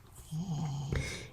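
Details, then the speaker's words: Son snoring faintly in the background: a single low, droning snore of about half a second ending in a brief snort-like burst. "my son is snoring in if you can hear him I'm sorry"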